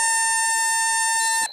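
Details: Loud, steady, high-pitched electronic tone from a Parapac 200D volume-controlled transport ventilator set up for adult cardiac arrest: the high-pressure alarm, signalling a blocked airway.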